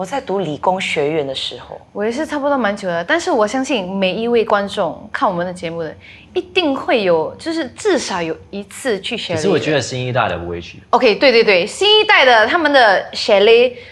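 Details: Adult speakers in conversation, Mandarin with some English; ordinary speech.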